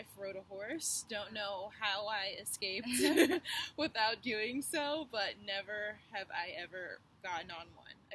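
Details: Adult woman speaking; normal voice.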